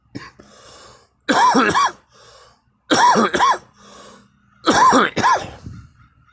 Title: me coughing